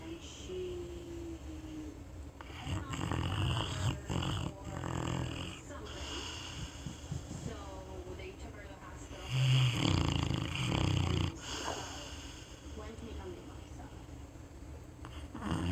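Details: Brindle pitbull dog snoring: deep, rattling snores with snorting bursts on each breath over steady room noise.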